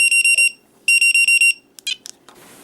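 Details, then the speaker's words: Snuza Hero baby movement monitor demonstrated with no movement: after 15 seconds it vibrates, then sounds a high shrill no-movement alarm in rapid beeping bursts while vibrating. "just then it gave me like palpitations hearing it do that I hate that noise but not only does it alarm sorry blurry but so not only does it alarm but it will alarm and vibrate at the same time"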